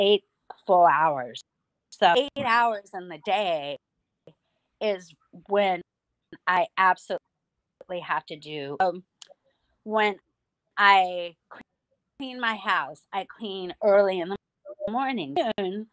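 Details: Aphasia in an adult woman after hemorrhagic strokes from a carotid artery tear. She could barely talk and relearned speech with a speech pathologist through singing. She still sometimes cannot speak.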